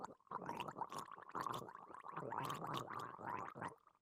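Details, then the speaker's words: Gargling from partial upper airway obstruction by fluid, such as blood or aspirate: a wet, bubbling noise with breathing, played as a teaching example. "Begitu ya, suara gargling. Kalau suaranya seperti ini sumbatannya apa, adik-adik? Cairan."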